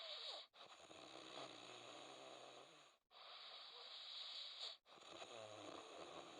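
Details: Recorded winter 2012, before ITB: long, hissing, raspy breaths in a slow repeating cycle with brief silent gaps; snoring.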